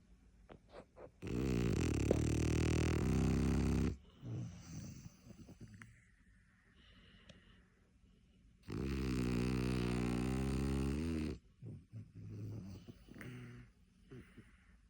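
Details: French bulldog asleep on a bed: two long, loud, rumbling inspiratory snores with quiet pauses between; loud snoring.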